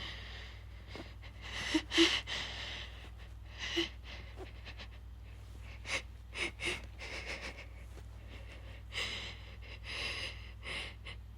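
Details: Female wet sneezing with build-ups: several sharp inhaled gasps and catches followed by short explosive sneeze bursts, low steady hum in background.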